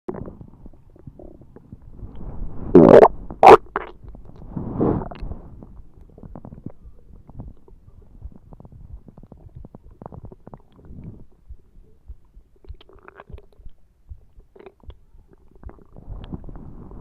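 Short gurgling and rumbling bursts, loudest early on, then quieter bubbling: ordinary stomach growling.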